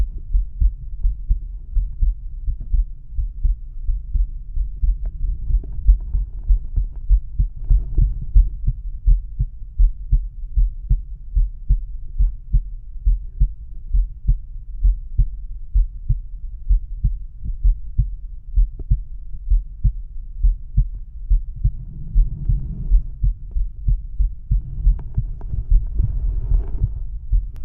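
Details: Adult male, stethoscope diaphragm at the mitral (apex) area: steady, regular, low heartbeat thumps; normal heart sounds.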